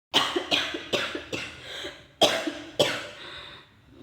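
An adult gives a run of about six harsh coughs, acted for a comedy skit.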